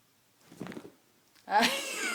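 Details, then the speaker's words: Dog snoring while asleep. "les juro que la criatura está roncando"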